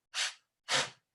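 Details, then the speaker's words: Vocal imitation of the heart murmur of valve stenosis (narrowed heart valve), in a heart-physiology lesson: two breathy whooshing bursts mimicking the harsh murmur. "Una estenosis es cuando en este caso, cualquiera de las 4 válvulas, si tenemos un tamaño de sí, esa se va a reducir."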